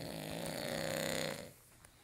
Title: Grizzly Snore Round 2 (STx)